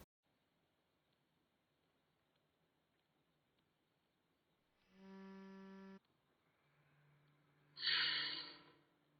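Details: Metered dose inhaler used through an Aerochamber spacer: a steady whistle tone, then a breathy hiss; the spacer whistles when the breath in is too fast.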